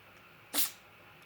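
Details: A single brief, sharp, hissy sneeze from a 20-year-old cat in a quiet room; a sneeze.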